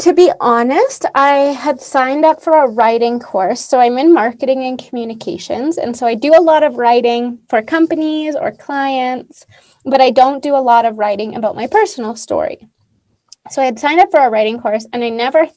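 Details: Adult woman speaking; typical speech.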